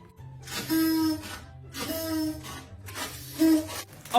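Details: Three harsh, high-pitched noisy breaths with a musical whistling edge in a lung sounds teaching example; stridor from upper airway obstruction, e.g. foreign body or croup in children.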